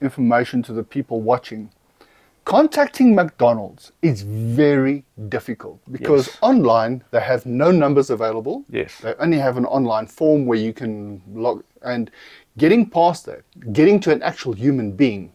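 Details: Adult male speaker; normal speech.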